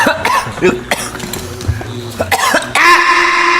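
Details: Adult's comedic acted cough after trying a cigar: repeated harsh cough bursts with a sustained tone at the end.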